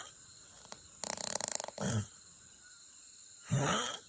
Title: I wanted to drink beer before bed last night but I didn't get drunk😊 #snoring